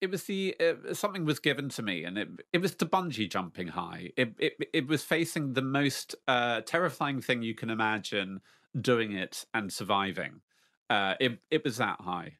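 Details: Lifelong stuttering in an adult man speaking about facing his fear in public.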